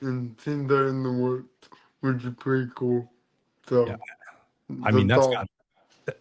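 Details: Adult man born with cerebral palsy, which affects his neck muscles, giving a deeper voice and making talking hard; dysarthria (cerebral palsy).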